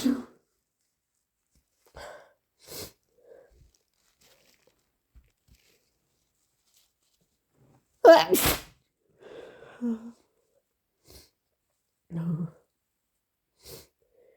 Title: Definitely caught another cold! - Strong induced sneezes, nose blowing and coughing